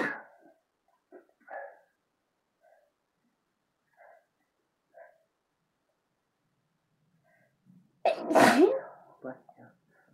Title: Were Back! Sneezing using chhinkni.